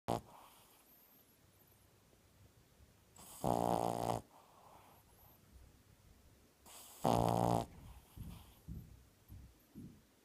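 Two loud, buzzing, rattling breaths about four seconds apart, with softer breaths between them: snoring.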